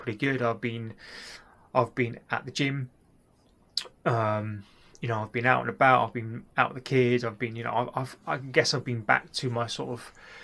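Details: Stuttering (stammering) since childhood in an adult male, linked by him to a childhood event; he is undergoing cognitive behaviour therapy for it.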